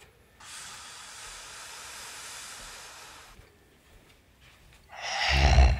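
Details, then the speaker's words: Sleep study recording of obstructive snoring: hissing airflow through a narrowed airway, a pause, then a loud harsh snorting, popping burst as the airway partly reopens before shutting down again. "in the next segment you'll be hearing voice of snoring as well as normal breathing then again the airwaves tries to open it up and there's a partial opening which is high popping"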